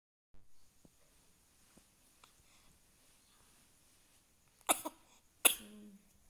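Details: Infant cough: a quiet start, then two short, sharp coughs from a baby, the second followed by a brief voiced catch.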